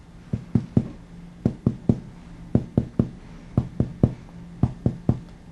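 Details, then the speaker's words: Chest percussion, patient supine, fourth intercostal space from anterior axillary line moving medially: resonant lung note changes to dullness at the left heart border; used when the PMI cannot be palpated, e.g. increased AP diameter as in emphysema. "you notice the change at that point let me do that again that dullness would be where the left heart border is at"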